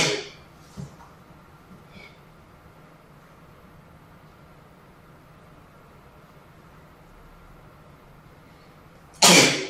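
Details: Quiet room hum with faint small sounds, then a sudden loud hissing explosive sneeze at the end.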